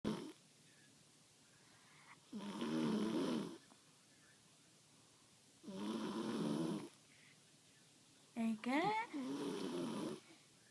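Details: Very loud snoring from a sleeping girl, said to snore like her father.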